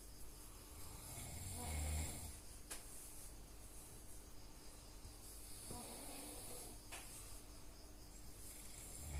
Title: Snoring sound